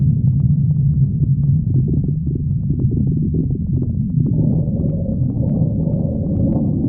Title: stomach growling 63